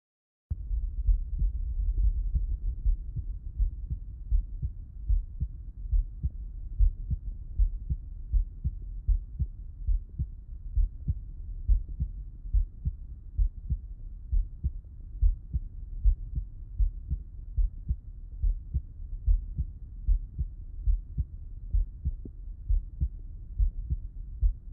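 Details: Stethoscope auscultation of a person lying on the left side: steady low heart thumps at about 72 a minute. Normal heart sounds.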